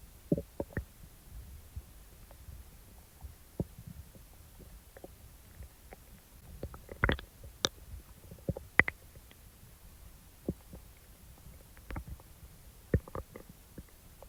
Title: Stomach Rumbling Sounds After Eating ⎹ soft + loud growls ♡